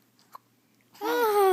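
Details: Hiccups in a 9-week-old infant: a brief soft hiccup in near silence, then a loud sustained infant yell; the baby has also spit up.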